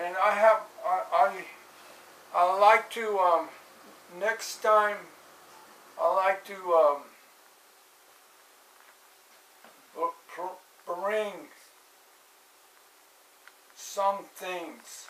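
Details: Adult man with aphasia after a stroke in 2007, recorded in 2016; hesitations, repetitions and word-finding pauses. Aphasia.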